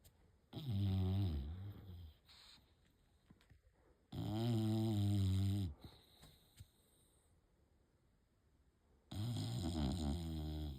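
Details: Three loud, deep, rattling snores with quiet pauses, slow irregular rhythm about 14 a minute, from a sleeping rescue Bulldog; snoring.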